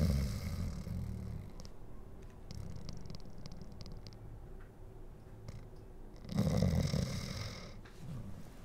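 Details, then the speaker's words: Snoring from a sleeping dog, heard during an indoor livestream. "guys do you hear the snoring did you hear baby snoring"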